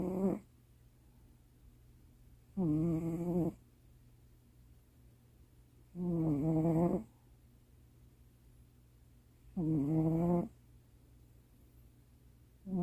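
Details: Pet cat asleep in the owner's lap late at night: regular, softly buzzing, slightly whining snores about every 3.5 seconds, roughly 17 breaths a minute; cat snoring.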